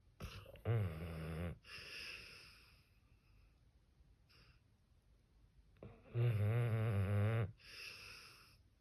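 Two loud, low, rattling snores on the in-breath, each followed by a softer out-breath, with a quiet pause between: a dog snoring in sleep.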